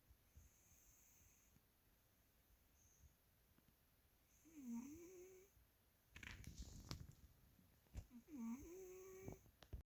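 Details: Sleeping pet cat: two drawn-out, whistling nasal snores over steady room hiss, with brief rustling between them; snoring.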